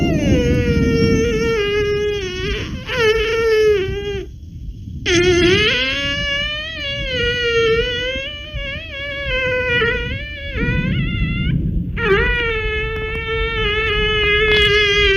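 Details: Loud, drawn-out wailing cries with brief breaks for breath over background music, in a "living doll" role-play clip; sounds like an infant's cry, possibly acted.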